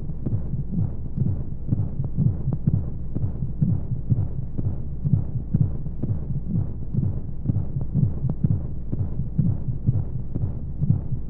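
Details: Womb sound played as a baby sleep aid: muffled rapid low heartbeat thumps, roughly 125 a minute, over steady whooshing white-noise flow sounds; heartbeat.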